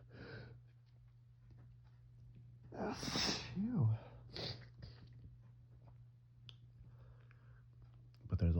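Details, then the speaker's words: Fall allergy sneezing shortly after waking, with a very itchy, tickly nose; suspected ragweed or mold from dead leaves. A soft sneeze with a breathy lead-in, then sniffing and faint snorting over a steady low hum. "That's definitely That's definitely allergies. those fall allergies. No doubt this could be this could be still the ragweed."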